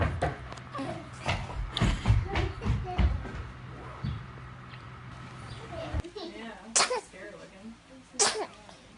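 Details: Infant sneezing: small, quick bursts of air fitting two sneezes, with adult voices in the room.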